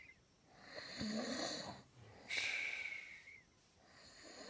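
A rough snoring inhale, then a whistling, high-pitched exhale, repeating slowly; noisy snoring with a whistle on the out-breath.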